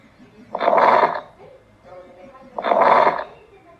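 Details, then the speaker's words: Lung auscultation with stethoscope: two noisy breath sounds with a rough, crackling texture, demonstrated as abnormal lung sounds: crackles. "a continuación escucharemos sonidos pulmonares anómalos como lo es los crepitantes"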